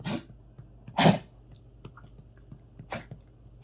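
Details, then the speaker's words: Dog named Deuce, lying down, gives a few short harsh coughs and throat-clearing sounds with swallowing between them and brings nothing up; owner says he sometimes coughs like this during the day. "What in the world are you trying to cough up? You got something in there you're trying to cough up? Hmm? Almost sounded like it."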